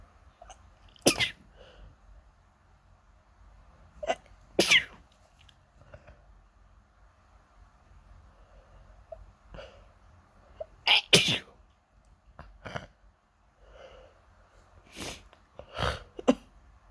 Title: Wake up...And then, nose itchy...sneeze, sneeze and sneeze (Please read the description)